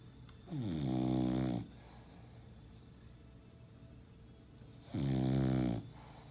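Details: Female lilac tri English bulldog, a flat-faced breed, snoring loudly while asleep: two loud, deep, rattling snores about four seconds apart, roughly 14 breaths a minute.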